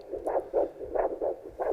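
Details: Handheld Doppler over the wrist during tourniquet first-aid training: rhythmic whooshing arterial pulses, normal blood flow. Hearing this pulse under a tourniquet would mean the tourniquet is not effective.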